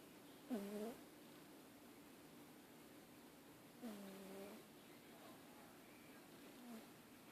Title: Cat snoring